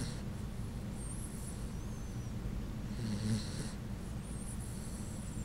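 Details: Sleeping Puggle (pug–beagle) dog snoring: loud, rough, human-like rumbling breaths with snorting, continuous over several seconds against a noisy background.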